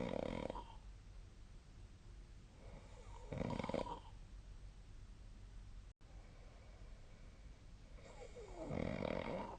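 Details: Three loud, harsh snores about three seconds apart over quiet breathing and low room noise, each a rough rattling burst on inhalation, recorded during sleep: snoring.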